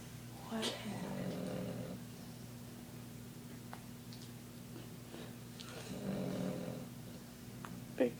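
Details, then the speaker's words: Dog snoring while asleep and apparently dreaming: soft snuffling snores on two breaths over a steady room hum. "why do you snore so loud?"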